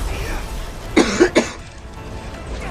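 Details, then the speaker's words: Hacking cough: three quick, harsh cough bursts from an adult man with a cough, over background music. "For those who have, like, headphones on, all of a sudden you hear, like, a goddamn loud-ass hacking cough and shit. Sounds like I'm popping out a lung in this motherfucker."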